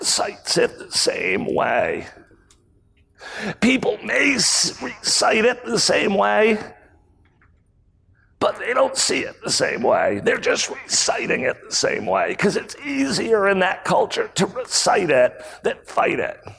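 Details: Real case: a male CEO who acquired the rare voice disorder spasmodic dysphonia in 2010. His throat muscles spasm and contract when he talks, sometimes making speaking difficult. Recorded at a 2018 talk. Finding: spasmodic dysphonia.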